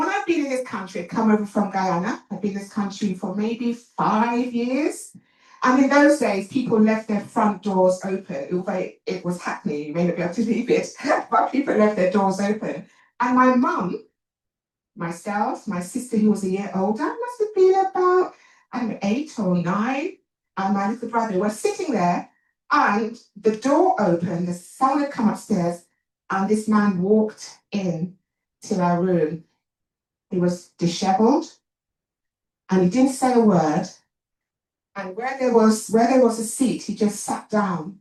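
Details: Talk by an adult woman, an actor and writer, who says she has a stammer; stuttering.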